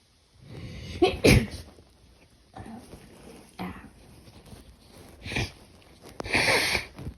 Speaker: sneezing I just suddenly started sneezing out of nowhere